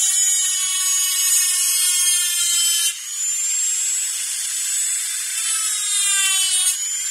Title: Dentist Drilling